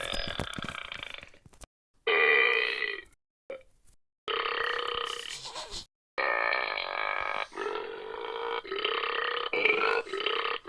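A run of loud, drawn-out belching sounds with short gaps between them, taken from a sound-effect set. Burping.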